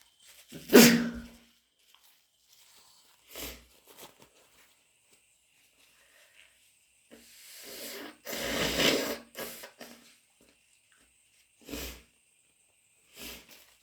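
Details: A sharp explosive sneeze, then a longer noisy burst like nose blowing and a few short bursts, in someone with a cold, possibly lingering two weeks, plus a bad cough; sneezing.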